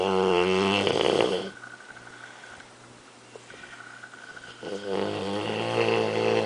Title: snoring bulldog